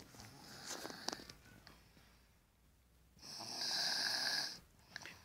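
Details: Baby snoring while asleep: a soft, high-pitched, whistling snore on one breath, with faint background noise.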